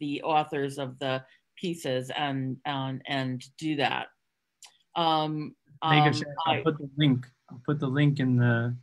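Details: Stuttering in an adult woman who stutters, speaking openly in a podcast interview; she concealed her stuttering through avoidance for close to 30 years before embracing it.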